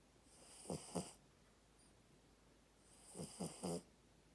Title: Snoring puppy!